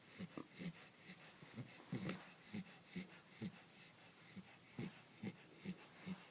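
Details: Sleeping Corgi puppy snoring: quick, uneven snuffling snores with short breathy bursts in a quiet room.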